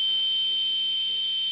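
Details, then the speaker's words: Combination tinnitus simulation: two tones played together as a cricket-like sound, with a noise component and a minor tone. "Those were the two tones. Here they are together as a cricket sound."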